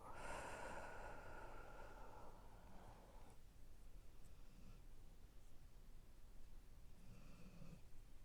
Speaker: My dog is snoring, if you can hear my dog in the background. We've been doing good with the dog snoring in the past couple videos, but she's back on it.